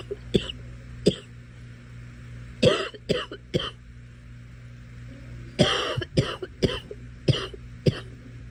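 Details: Girl coughing: about ten short, dry coughs in two clusters, with a steady low hum in the background.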